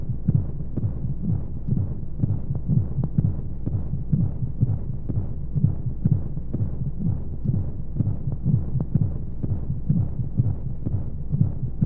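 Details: Baby sleep aid womb sound: steady muffled low heartbeat thumps at a regular rate under a soft whooshing white-noise hum, as heard in the womb.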